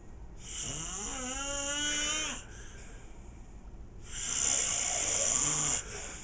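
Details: Two loud, rough breaths with harsh hissing noise from a sleeping adult man, the first carrying a rising vibrating tone; heavy snoring.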